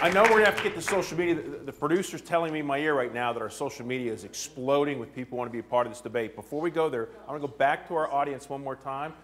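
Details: Adult male speaker; Normal speech.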